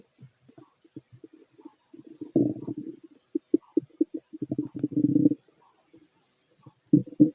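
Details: Fit adult male's abdomen through a stethoscope during digestion of a mixed meal: repeated short gurgles, bubbling clicks and longer rumbling runs, normal bowel sounds.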